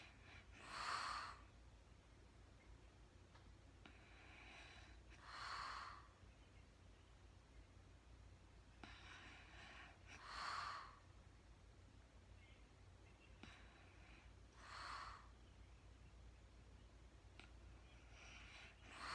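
Airy, breathy snores at about 13 breaths a minute, with faint inward breaths between them; light snoring during sleep.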